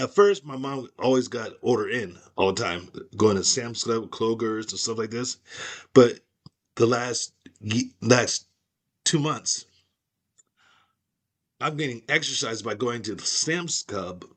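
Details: Aphasia after a stroke in an adult woman; speech shows word-finding pauses, restarts and repetitions.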